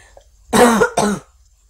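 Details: A child who is still coughing and sniffling, though it is no longer that bad, gives two short voiced bursts in a quiet room, a cough or throat clear.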